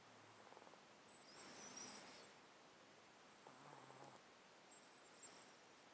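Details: Stertor from a cat sleeping in a box, close-up mic, with a 13-year underlying disease causing snotty sound and constant sneezing; slow hissing breaths with wet snuffly nasal noise each cycle; congested stertorous breathing.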